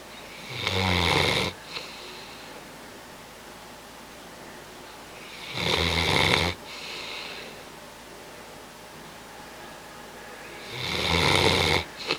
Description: This is Bo the bloodhound during his nap.